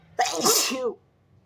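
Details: Strong, wet, messy sneezes, after spraying on the leg: a single loud, sharp voiced sneeze with a sudden burst and short trailing release.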